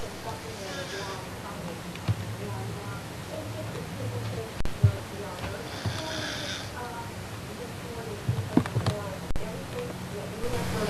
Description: Dad always said he didn't snore _ see, he was right